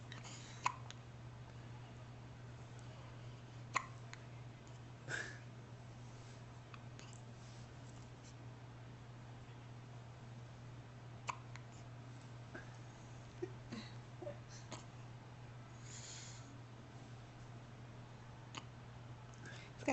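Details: Baby boy with hiccups, recorded July 2009 on a Flip Video camcorder: soft, sharp hiccup clicks recurring irregularly, about nine in twenty seconds, over a steady low room hum.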